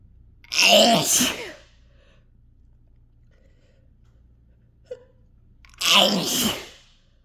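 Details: Two loud, forceful, harsh, throat-scraping sneezes several seconds apart, each with a drawn-out explosive release, induced by chhinkni sneezing powder; sneezes made the throat sore and soaked a handkerchief.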